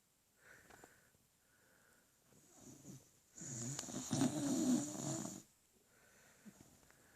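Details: Sleeping beagle snoring: soft whistling breaths and one longer rattling, snorting snore.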